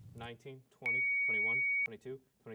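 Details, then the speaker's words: AED powering on during CPR training, unit placed by the person's shoulder by the second rescuer: a steady high electronic beep lasting about a second cuts through a woman's talking as the unit switches on. "rescuerto placed the unit by the person's shoulder now she turns it on and follows the props"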